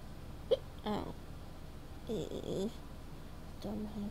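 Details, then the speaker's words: Adult with a high, altered voice after inhaling balloon helium has hiccups: about four abrupt, involuntary catches over four seconds, some sharp clicks and some short voiced yelps. "hiccups. Ooh. Ugh. I'm a furry. That's funny."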